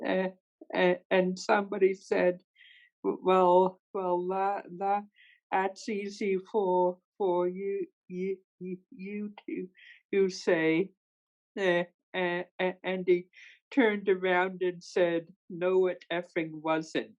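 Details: Person who stutters, a participant in a stuttering association webinar, speaking with repeated words; stuttering.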